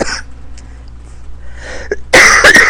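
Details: Adult woman, sick and unable to recover since returning from a trip, her illness now back after seeming to improve. Quiet breathing, then a loud burst of two or three harsh coughs.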